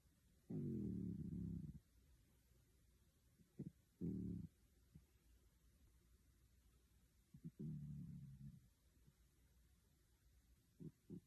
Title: Dreaming and snoring